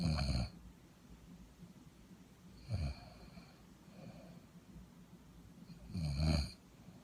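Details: Snoring in a working woman, sleep deprived: low rattling snores on the in-breath about every three seconds, with softer breathing noise between them.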